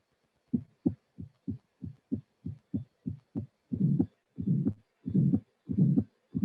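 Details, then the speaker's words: Aortic regurgitation in a teaching recording: crisp normal beats first, then a soft systolic flow murmur appears, then a high-frequency blowing diastolic regurgitant murmur fills the cycles. "we have a normal beats without the murmur then a murmur occurs appears and this is the company murmur and then the arctic reconstitution murmur will appear"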